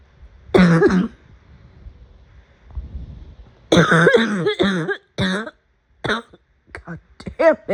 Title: Afternoon coughing fit